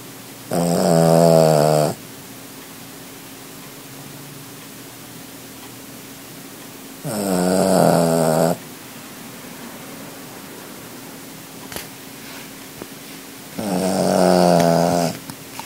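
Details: Small dog snoring while asleep; three loud, drawn-out buzzing snores on the in-breath, roughly six seconds apart (about 9 a minute), over a steady room hum.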